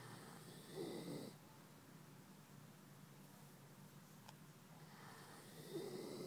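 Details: Two rough, fluttering snores about five seconds apart, with quiet breathing between and faint room noise; ordinary snoring.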